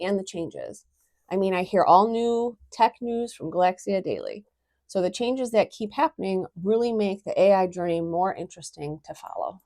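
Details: Adult speaker; Normal voice.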